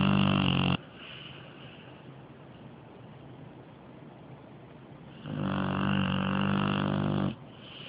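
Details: Sleeping dog snoring very loudly: loud, low rattling snores, two long breaths with a quieter breath between; snoring.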